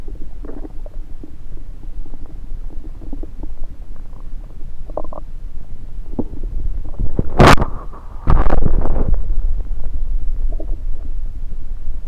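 Through a stethoscope, soft gurgles and rumbles with handling bumps as the chest piece moves; ordinary bowel sounds.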